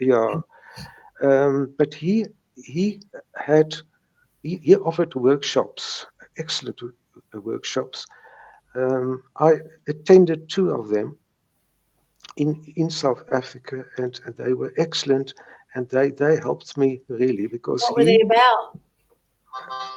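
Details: Stuttering since age three in a retired South African lawyer in his 70s who still has mild speech blocks; this stretch has word and part-word repetitions: stuttering.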